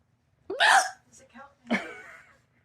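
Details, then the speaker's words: Two sharp, high, squeaky, chicken-like vocal bursts, each a sudden catch of the breath with a small sound between them, from a person whose hiccups hurt badly: unusual, annoying hiccups. "little while trying to get rid of my hiccups. It hurts really bad."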